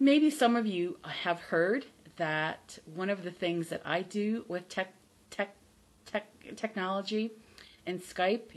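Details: Adult woman from the United States, a self-described person who stutters; she says she is not recovered from stuttering, only from the fear of it, and that listeners can hear her stutter; stuttering.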